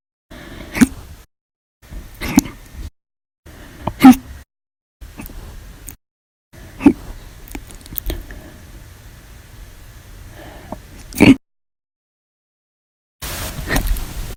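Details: Five or six sharp, sudden hiccups at irregular intervals, each a brief click-like catch over faint room noise; from an August 2019 audio-only compilation described as violent, loud, silent, minute and second hiccups.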